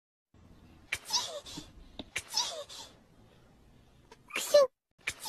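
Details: Three short, high-pitched sneeze-like bursts with quiet gaps, sounding playful or acted, over music; sneezing.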